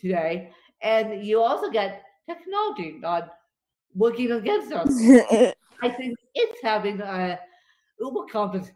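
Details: Dysarthria in a woman with cerebral palsy affecting her limbs and brain; she describes being tongue-tied from her cerebral palsy today, after a bad spasm day.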